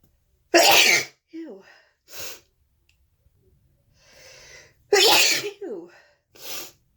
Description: Announced sneezes and some snotty honks